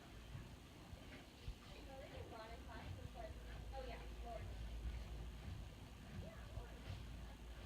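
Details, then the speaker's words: Horse's upper abdomen auscultated during a practical exam of the four gut quadrants: frequent soft gurgles and bubbling, plenty of sound, normal active gut sounds (borborygmi). "I hear plenty of girls up here so that's really good i'm going to listen lower again being really careful and I already hear stuff down here too that sounds very good"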